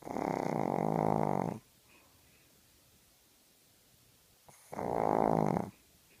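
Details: Sleeping dog: two rattling snores about four seconds apart with quiet between them; ordinary snoring.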